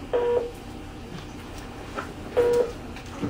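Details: Steady tonal beeps about 2.2 seconds apart, near 27 a minute, over quiet room noise, from a Philips MRx monitor in a demonstration of basic arrhythmia heart monitoring.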